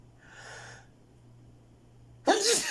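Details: Person who can't stop sneezing: a faint intake of breath, then a sudden, loud, explosive sneeze near the end.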